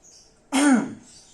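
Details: A single strong, forceful cough after quiet deep breathing: an effective (controlled) cough demonstrated by a male patient in nursing practice. He breathes in through the nose, out through the mouth, and holds three seconds, to bring up a sputum specimen.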